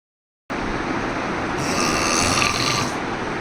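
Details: Single long, rough, fluttering snore from a sleeping adult aged about 52–55 with difficulty sleeping and daytime lethargy; family confirmed snoring, and snoring investigations were suggestive of obstructive sleep apnea, later treated surgically.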